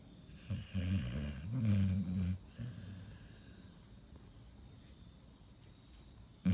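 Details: A sleeping pit bull, described as having sleep apnea and restless legs, gives low rattling snores for about two seconds, then quieter breathing.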